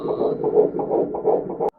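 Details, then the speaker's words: Fetal heartbeat heard with colour Doppler ultrasound: rapid, rhythmic whooshing pulses. "और सुनने की जो बात है हम इसको डॉपलर अल्ट्रासन की मदद से कलर डॉपलर अल्ट्रासन की मदद से सुन भी सकते हैं वहां हम ये धूम धूम धूम धूम करके आवाज दे रहे होते है सुना र होते हैं"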